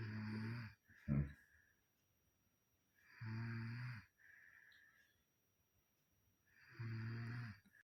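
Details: A sleeping child snores in loud rhythmic rattling breaths about every three to four seconds.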